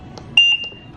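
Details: Home ventilator (Trilogy) during caregiver training, two-stage power-off, running from an oxygen concentrator: a short high alert beep with soft clicks around it.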